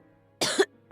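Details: Girl's single short, harsh cough with a faint music bed behind it; she has a cold and a strained throat.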